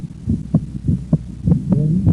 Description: Sound is that of S1–S2 at rest (“out”) and S1–A2–P2 with inspiration (“in”).